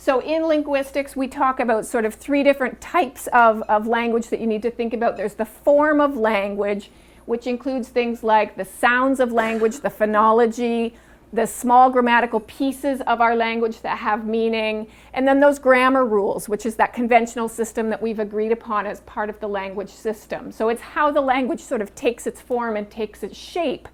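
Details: Adult woman speaking; normal fluent speech.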